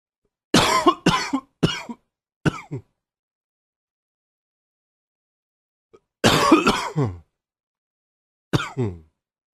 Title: Coughing 78